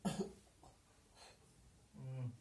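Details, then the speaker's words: One forceful cough burst, then a pause and voiced exhalation: breathless adult male patient with retained sputum performing a nurse-guided effective cough technique (deep breath, hold 3 seconds, cough) to clear airway secretions. "Tarik nafas, tahan 3 detik. 1, 2, 3, batukan Pak."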